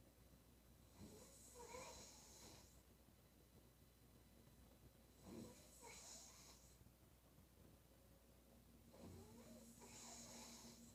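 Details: Woman snoring during sleep: rasping, fluttering inspiratory snores, roughly 16 breaths a minute, over a steady low room hum.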